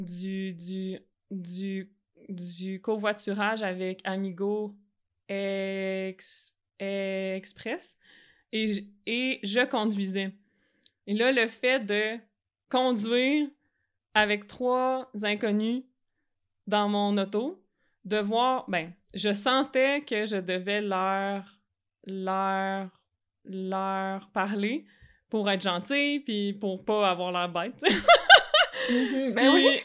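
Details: Adult French-speaking woman who stutters, with stuttering that varies by situation; stuttering.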